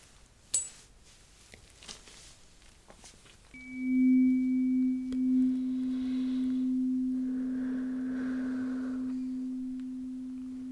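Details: Simulated ear-exam roleplay, repeat tuning fork hearing test (one ear, then the other, then top of head): a struck tuning fork rings as a pure, steady tone that slowly fades.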